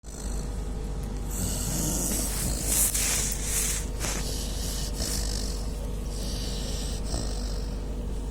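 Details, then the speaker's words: Sleeping Labrador puppy snoring audibly, said to snore like a human. "கொரட்டை விடுது. மனுஷன் மாதிரியே விடுது கொரட்டைய."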